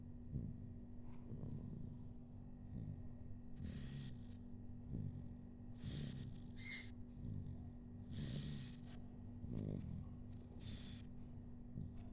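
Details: Infant (bayi) snoring during sleep: soft, regular low rumbling snores with each breath over a steady hum of room noise.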